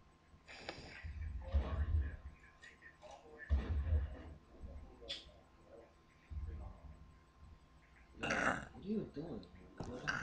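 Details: Deep, rough rumbling snores from a sleeping woman about every two to three seconds, uneven, with snorting sounds in a quiet room; extreme snoring.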